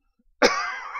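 A single sharp cough burst from an adult, followed by a fading tail of room echo.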